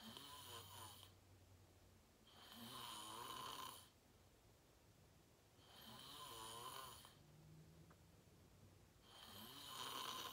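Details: Loud rattling snores on each inhalation, about three per ten seconds, quiet exhalations between; person filming themselves sleeping, fell asleep fast around 8:45, described as deep REM sleep; sleep apnea tagged.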